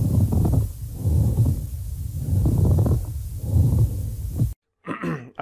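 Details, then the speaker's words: Pleural friction rub: low creaking, grating, scratching sounds with each breath, likened to walking on fresh snow, occurring in inspiration and expiration but more commonly expiration; from inflamed pleura. "now this is thought to sound a bit like walking on fresh snow so where the snow gets pushed down into lower layers and you hear that kind of creaking crackling scratching sound"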